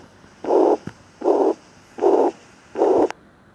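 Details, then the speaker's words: Heart murmur played in a nursing lecture on cardiac examination as an abnormal added heart sound, described as a gushing regurgitation, aortic or mitral. "selanjutnya yang abnormal atau bunyi jantung tambahan adalah bunyi murmur juga Hai jadi seperti anda semburan gede atau namanya regurgitasi atau Artha maupun Mitra"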